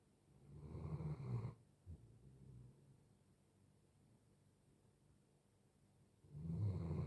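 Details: Two deep rumbling snores about six seconds apart with a faint snort and quiet breathing between, from a sleeping 5-year-old male Doberman: ordinary sleep snoring.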